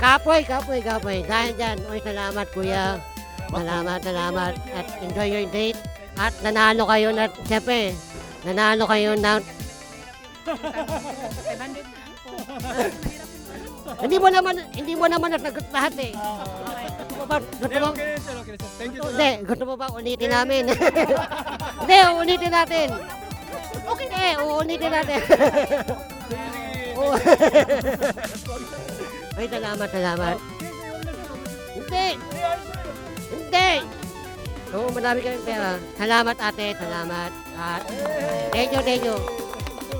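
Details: Filipino show host described as "ngongo" (nasal speech), asking a quiz question in Tagalog during an outdoor interview game in a park; hypernasal speech.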